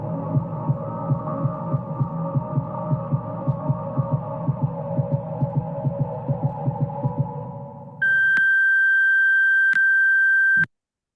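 Fast, fairly regular heartbeat-like pulses over a low hum fade out, then a steady continuous high monitor tone: flatline alarm.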